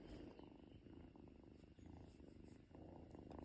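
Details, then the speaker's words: Steady low rumbling purr from a cat (Simba), made when affectionate and close to the owner; a normal contentment sound, not chest congestion (phlegm); cat purring. "നമ്മളോട് ഈ സ്നേഹം കൂടുമ്പോൾ അതുപോലെ ഒരു sound വരും ചില ആളുകൾ വിചാരിക്കും ഇത് കഫക്കെട്ട് ഒക്കെ കൊണ്ടാണോ ഇങ്ങനെ സൗണ്ട് വരുന്നത് എന്നൊക്കെ ചോദിക്കാറുണ്ട് കേട്ടോ"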